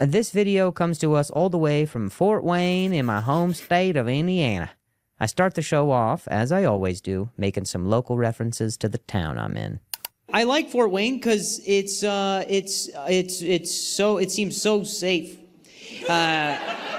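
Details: Stuttering in an adult male comedian performing live on stage, who says he has not stuttered this badly in a long time and has had involuntary sounds and tremors this week.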